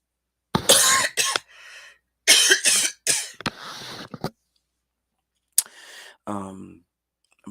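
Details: Adult with a cold who slept poorly and just took daytime cough syrup for congestion, coughing during a live stream: several harsh, dry-sounding coughs in clusters, then a brief voiced sound.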